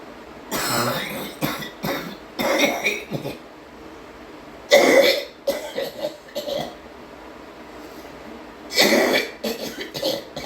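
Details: Female hard coughing: three forceful bouts of harsh, hacking coughs, several coughs each, with quiet pauses between.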